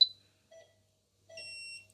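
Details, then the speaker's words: X-ray exposure beep from a dental X-ray unit during a pet's dental scale and polish: short electronic chirps, then a steady tone of about half a second, taken to check below the gum line. "So Sarah, I'm just going to take a little x-ray here. I'll just line it up, get the angles correct."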